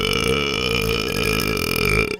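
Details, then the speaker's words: Adult man burping: one long, loud, rumbling burp lasting about two seconds. "Excuse me. I'm about to burp. Oh, excuse me. Burn. I'm sorry. I tried to hold it in."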